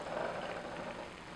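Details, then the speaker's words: Snoring heard in the background from a man, who is sleeping nearby. "that snoring in the background? It's. There he goes."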